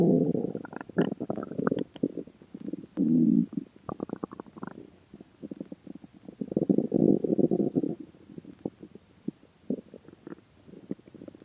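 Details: Hunger stomach growling after 76 hours without food: long gurgling rumbles mixed with bubbly pops and crackles, rising and fading in bursts, borborygmi.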